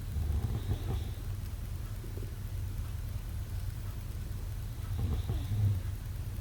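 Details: Snoring during sleep: two low, rumbling, throaty snores about five seconds apart over a steady low hum.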